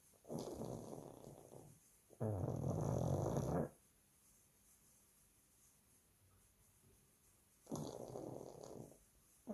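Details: Two-year-old pug sleeping and snoring: loud, rough snoring breaths from a small flat-faced dog, with longer quiet pauses between them.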